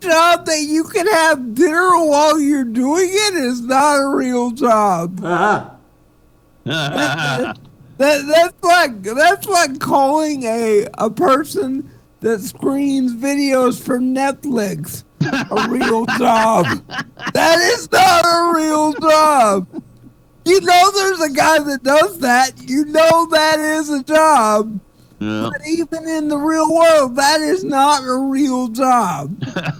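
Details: Adult male stand-up comedian with cerebral palsy; real dysarthria due to cerebral palsy.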